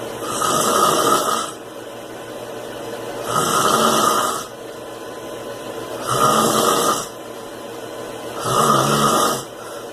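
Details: Overweight man snoring: loud, regular, harsh snores with a whistling edge on each breath in, about 23 breaths a minute.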